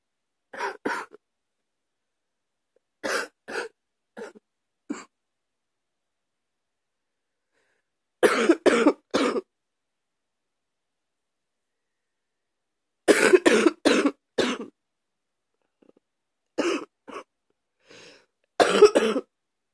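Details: Deep cough in the morning: repeated bouts of deep, forceful coughing, roughly eighteen coughs over twenty seconds, with quiet pauses between.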